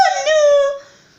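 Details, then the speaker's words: Person with Tourette syndrome in hospital awaiting an ERCP procedure; vocal tics heard firsthand. "And now you've heard some of my tics firsthand."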